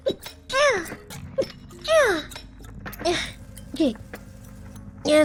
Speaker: excuse me I sneezed it I sneezed it excuse me I got to sneeze